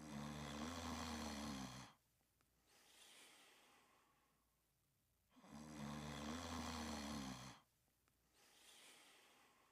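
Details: Snoring while sleeping and dreaming: loud, rough, buzzing snores on each breath in, with quieter breaths out, about 15 breaths a minute.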